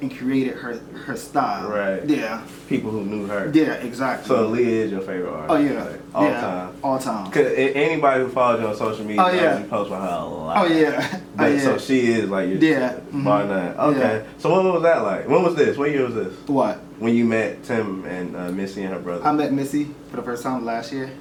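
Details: Adults in conversation; normal speech.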